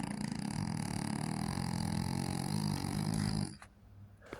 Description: Get ready to laugh (and melt) as this French Bulldog puppy snores loudly in her sleep! From the funny little grunts to the deep snores, this Frenchie proves that nap time can be just as entertaining as playtime.